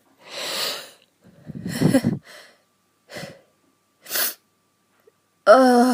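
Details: Adult feeling run down and unwell, voice failing, asking if a wheeze is audible: breathy inhalations and noisy bursts ending in a sharp, voiced, high-pitched sneeze.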